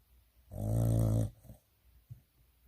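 Single deep, rumbling snore on an in-breath, followed by softer breathing sounds; a sleeping dog snoring.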